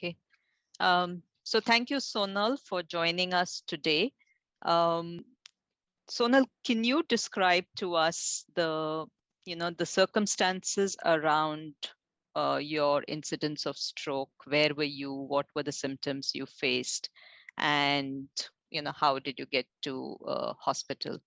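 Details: Adult woman speaking; normal speech.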